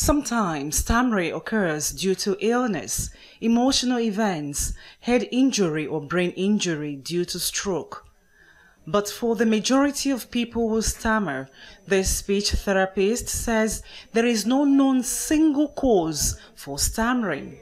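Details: Adult woman narrating; fluent speech.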